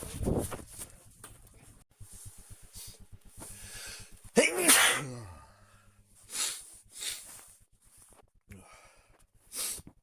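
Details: Ordinary random sneezes recorded on a smartwatch by someone not ill and outside allergy season: several short sharp bursts of varying loudness, one strongly voiced, with quiet gaps and faint rhythmic clicking.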